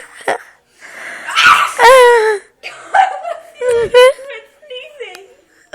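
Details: Adult woman having a sneeze attack: repeated ordinary sneezes with voiced cries and laughter between the bursts.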